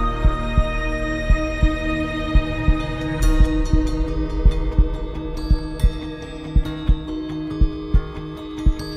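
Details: Steady low thumps at roughly 57 a minute beneath sustained ambient music; a slow, regular heartbeat sound effect in an epic music mix.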